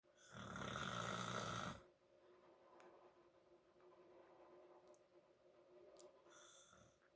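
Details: Adult man (a dad) snoring in sleep: one loud, rattling snore on the in-breath, followed by quiet breathing and the start of another snore.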